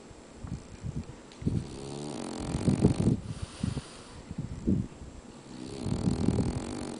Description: My Frenchie, Cooter sawing it up!